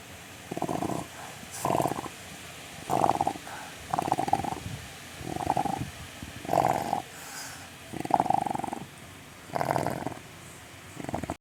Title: cute chow snoring while sleeping #cute #cutechow #chowchow #chow #dog @WATCHTV.PH24